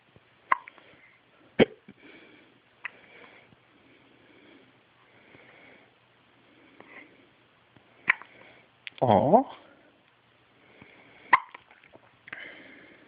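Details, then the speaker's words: Infant having hiccups, about six sharp, brief hiccups over thirteen seconds with a short fussy cry partway through; ordinary infant hiccups. "you want smile for daddy he's just going to stick with the hiccups going look at the camera where the hiccups don't you"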